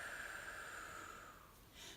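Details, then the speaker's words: Speech-therapy demonstration of diaphragmatic (not chest) breathing: after a deep breath expands the lower abdomen, a steady, airy, controlled out-breath lasting over a second as the abdomen goes back in. "so when you take in a deep breath what you want to see happen is this lower part expand then when you exhale that should go"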